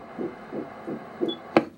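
Fast rhythmic whooshing pulses, about 170 a minute, ending with a click; fetal heartbeat on ultrasound Doppler.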